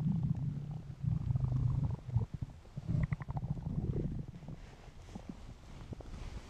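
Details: Hungry stomach noises from a male: low, weird gurgling and rumbling abdominal noises with irregular bubbling; normal hunger borborygmi.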